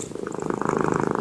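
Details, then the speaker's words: A sleeping pet cat, resting just after a bath, with a steady, rapid rhythmic rumbling purr, a normal sign of comfort; cat purring. "Nah dengar gak kedengaran gak suara mendengkurnya tuhah Jangan kaget ya kalau kucing kita mendengkur"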